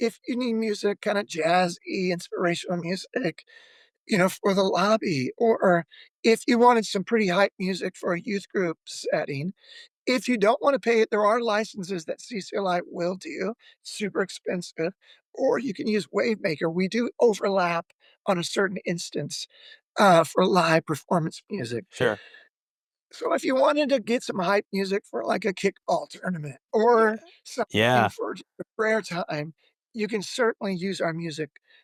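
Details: Adult male former professional lead singer with spasmodic dysphonia, onset of voice loss at the height of his career; says it is audible in his voice; speaks with a microphone.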